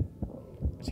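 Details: Normal heart sounds, played as a demo of a normal recording: two peaks from the valves opening and shutting, with little sound in between as blood flows smoothly.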